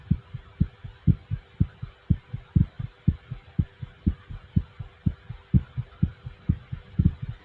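A quick, regular heartbeat of about 120 beats a minute, each beat a soft lub-dub thump.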